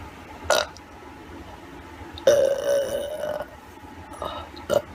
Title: Burping Pt. 2